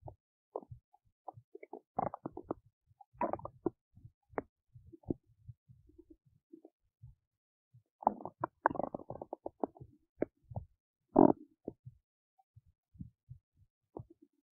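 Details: Belly noises recorded while digesting oats: scattered gurgles, pops and squeaks in irregular bursts, ordinary digestive bowel sounds.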